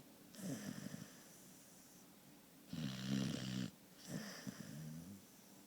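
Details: Sleeping on a couch next to the recorder and snoring loudly: three rattling, voiced snores on successive breaths with quiet pauses between them.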